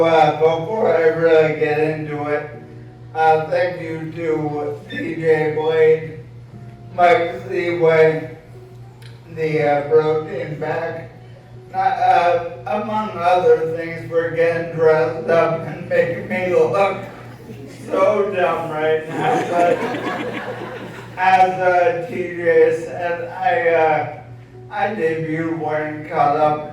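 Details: Adult male diagnosed with apraxia of speech (AOS), speaking at a public induction ceremony; apraxia of speech.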